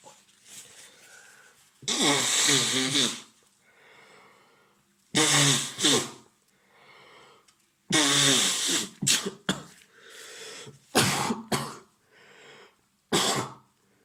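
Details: Acted role-play of an adult man with a cold: several loud, sharp sneeze-like bursts with breathy sniffing between them; simulated sneezing.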